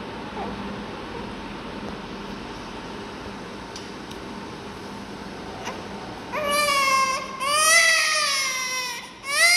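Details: Newborn baby receiving oxygen through a tube for a breathing problem: steady room and machine noise, then a high wavering cry in short bursts during the final few seconds.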